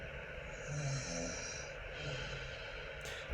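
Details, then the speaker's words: Adult man with sleep apnea, during weight loss on the 1:1 diet: low rumbling snores recorded overnight, really drawn out and almost like gasping for air, with the loudest epic point; loud snoring lasts about half an hour. "So that's a really drawn out and almost like gasping for air. And then the loudest one is this epic point here."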